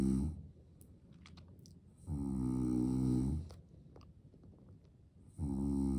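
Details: Father sleeping peacefully with a baby nearby: loud, deep, rattling snores on each breath in, roughly every three seconds, with quieter breathing out between them.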